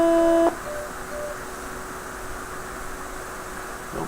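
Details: Vital signs monitor preventive maintenance test with a simulator: a brief steady electronic alarm tone, then quiet room hum; a no-pulse alarm.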